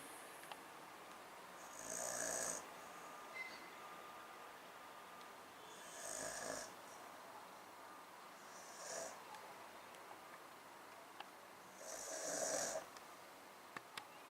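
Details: Overweight adult man asleep on a couch: four hissing, rasping snores spaced several seconds apart against steady room noise, roughly one every 3 to 4 seconds; ordinary snoring.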